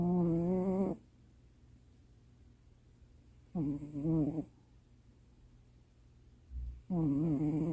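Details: Male cat asleep in owner's lap late at night, snoring.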